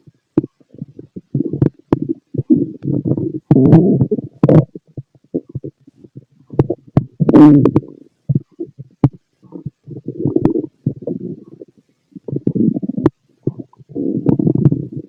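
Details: Fit male, stomach heard through a stethoscope: frequent gurgles and rumbling bursts with short quiet gaps; active bowel sounds, stomach growling.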